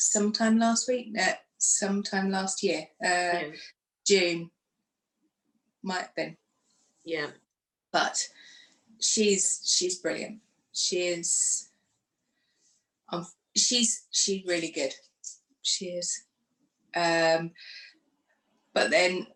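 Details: Woman who had a stroke two days after a hysterectomy in 2018 at age 44, could not speak afterwards and now lives with post-stroke aphasia; aphasia with word-finding difficulty.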